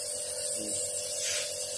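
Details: Steady motor hum with a constant airy hiss from a compressor nebulizer running during a child's treatment for cough and cold, while the child is told to breathe normally.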